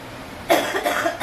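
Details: Cough.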